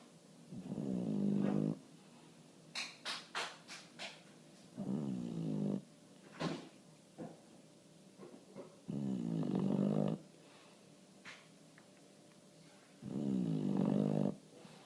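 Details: Bulldog snoring in sleep after tiring himself out barking at a bird in the window: loud rattling snores about every four seconds, roughly 15 a minute, with soft clicks and rustles between.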